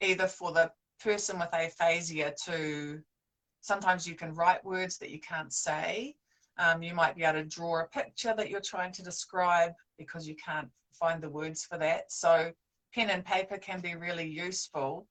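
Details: Adult woman speaking; normal speech.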